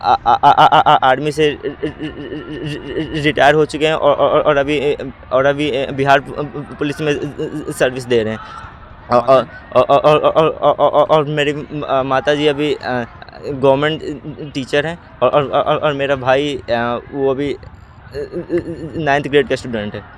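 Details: Class 10 male student with stuttering since childhood, described by a teacher as congenital; it worsens with agitation and stage fear and eases with familiar people; stuttering.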